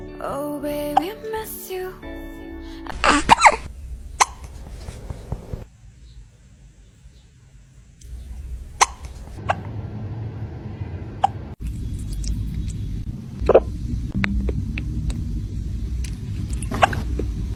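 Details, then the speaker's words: Kittens hiccuping: about seven tiny, sharp clicks at irregular intervals, with music playing throughout. "oh hello have you got hiccups do you have the hiccups"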